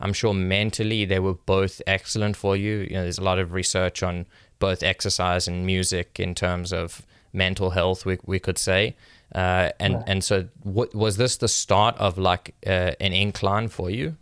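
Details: Adult male speaker; normal speech.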